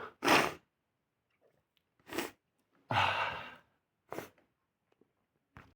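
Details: Several sharp bursts of noise separated by quiet pauses, a series of sneezes while in bed; sneezing.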